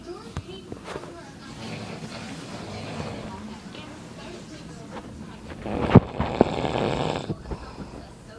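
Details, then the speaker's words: Dad snoring very loudly during sleep at night: low rough breathing noise, then a loud harsh snore with snorting bursts near the end, room noise throughout. "dad is snoring very loud. I mean, really, really loud. Nobody can sleep at this time."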